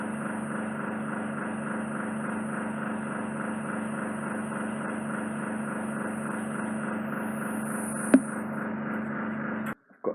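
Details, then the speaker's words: Ear wax microsuction: steady whirring hum of a suction probe with one brief sharp click, then stopping, as the probe is held on the eardrum to remove impacted wax plastered over it, attributed to cotton-bud use. "cause I'm putting the suction probe on the eardrum. I can feel the eardrum, I can visually see it being sucked into the suction probe, so we don't want to cause any trauma there."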